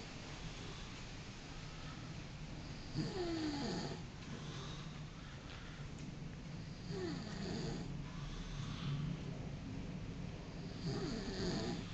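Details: Ordinary snoring: low rumbling snores repeating about every four seconds over steady room noise, roughly fifteen breaths a minute.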